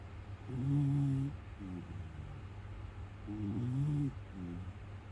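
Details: Male Miniature Schnauzer sleeping: two slow, low, rattling snore cycles, each a rough drawn-out inhalation followed by a softer breath; ordinary snoring.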